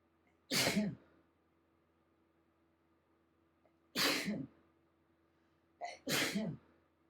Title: Allergy sneezing fit